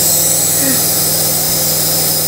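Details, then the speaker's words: Young child with a cough breathing through a small compressor nebulizer with child-size attachment, held upright, with saline/medication: steady mechanical hum and hiss as the mist flows. "Пошел пар, ребенок им дышит."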